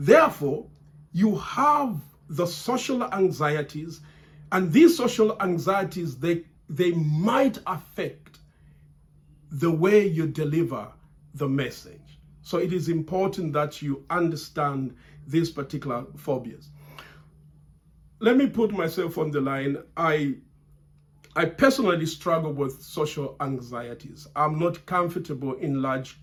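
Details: Man who has stammered since childhood, still stammering under stress and feeling under pressure while recording; word repetitions; stuttering.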